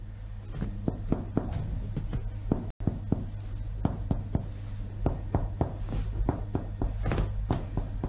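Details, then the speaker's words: Chest percussion demonstration: the hand rests flat on the chest wall, the middle finger lies in an intercostal space along the ribs, and the other hand taps it like a piano key, bilaterally and symmetrically, in rapid short sharp taps. "pour la percussion il est important que la main épouse la paroi thoracique le troisième doit doit être dans laxe des côtes dans l'espace intercostal et avec l'autre main enfin mouvement une touche de piano pour percuter l'examen et bilatérales et symétrique"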